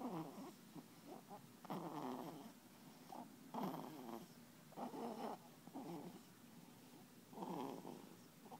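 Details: Newborn boy under one month old snoring while asleep: soft, irregular, rattly snuffling breaths a few seconds apart; light newborn snoring.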